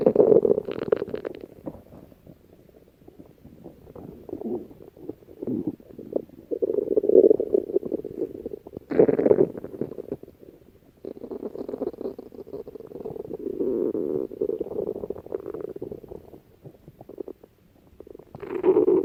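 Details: Prolonged low gurgling and rumbling stomach sounds in waves with brief quieter gaps; ordinary stomach growling (borborygmi).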